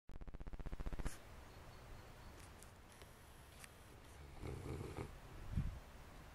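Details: Snoring: a rapid, rattling low flutter of a snore at the start, then quiet breathing with a softer snort-like snore later.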